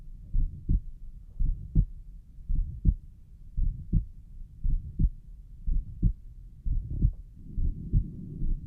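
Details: Self-recorded heart sounds at the pulmonic valve area: regular low heart sounds at about 56 beats a minute with a soft noise between beats, which the listener suspects is a mid-systolic murmur.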